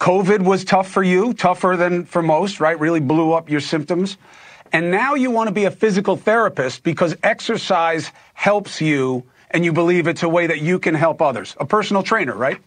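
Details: Adult male speaker; normal speech.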